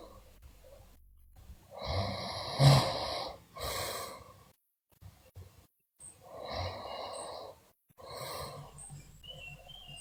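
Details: Sleeping girl who also grinds her teeth (bruxism) and talks deliriously in sleep: rough, buzzing snores with breathy out-breaths and short pauses between; snoring during sleep.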